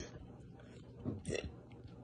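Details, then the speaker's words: A girl tries to get a burp out, a problem she says happens all the time, and considers standing up; a quiet, low, gurgling burp over faint room noise. "trying to get burp out this happens all the time this is terrible"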